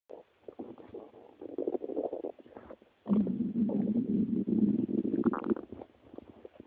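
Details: Stomach growling: loud gurgling, bubbling rumbles in short bursts, then a longer continuous growl; ordinary bowel sounds (borborygmi).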